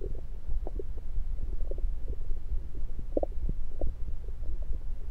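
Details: Bowel sounds heard through a stethoscope placed around the belly, recorded mainly to show stethoscope placement: frequent soft gurgles and bubbling clicks over a low rumble; ordinary bowel sounds.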